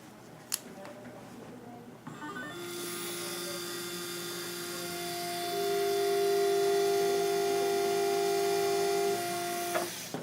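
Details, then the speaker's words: Steady high-pitched motor whine of a dental surgical drill, rising slightly in pitch, as a spade marking drill marks the bone site for a 3.75 × 13 mm MIS C1 dental implant, before pilot drilling to 13 mm depth. "first i would want to mark the site using either our spade marking drill or regular marking drill i'm going to use the spade marking drill"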